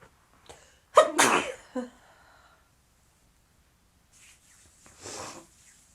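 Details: A quick in-breath, then one loud explosive sneeze, followed later by a softer second sneeze; sneezing.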